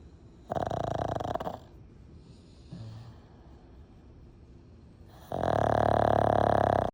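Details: Loud, long rattling snores with quiet pauses between them from a sleeping animal (Franky); snoring.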